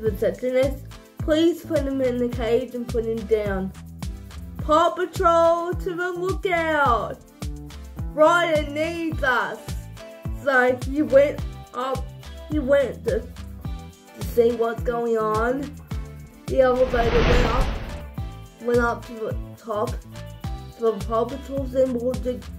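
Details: Adult woman narrating a story; speech in cerebral palsy.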